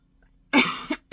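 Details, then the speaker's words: Cough from an adult woman, a teacher, who is sick, feels she is coming down with bronchitis, lost her voice for a day, has sinus symptoms and allergies, and took cold and flu medication: one harsh, forceful cough with a short second burst, then another starting. "But I I am coming down with bronchitis. I feel it. It's my own fault. I haven't been masking."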